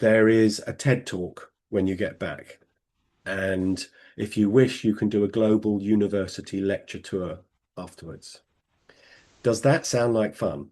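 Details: Adult male speaker; Normal speech.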